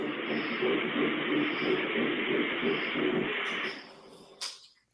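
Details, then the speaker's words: Fetal heartbeat at about 180 a minute, heard for the first time the day before and played back from a phone: fast whooshing pulses under heavy hiss. "that is my baby's heartbeat had a first G yesterday the sound I just played with my baby's heartbeat"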